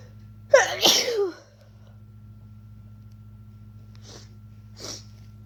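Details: Person getting a cold, inducing sneezes and trying to stifle them: one full loud sneeze, then two small muffled, hissing held-back sneezes; sneeze.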